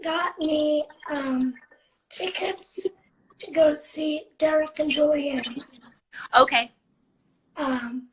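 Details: 17-year-old living with cerebral palsy, speaking spontaneously in a live interview; dysarthric speech (cerebral palsy).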